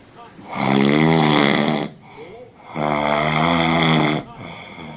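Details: A Husky dog snoring.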